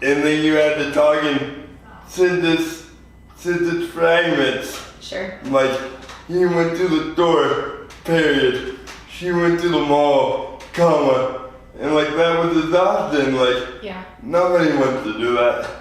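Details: 24-year-old man with lifelong spastic quadriplegic cerebral palsy following premature birth at 2 lb 4 oz; dysarthria (spastic cerebral palsy).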